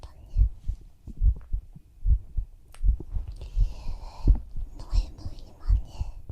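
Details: Heartbeat heard through the chest in whispered roleplay ASMR, while lying down together to sleep; steady low thumping at about 75 beats a minute with faint whispering; normal heart sounds.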